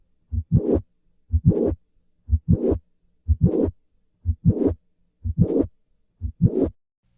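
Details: Mitral valve prolapse, heartbeat about 60 a minute: each beat has a sharp mid-systolic click followed by a short, blowing late systolic murmur.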